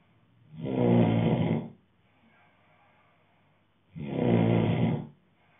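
Two loud, rough, low rattling snores about three seconds apart, with quiet pauses between them. Ordinary heavy snoring.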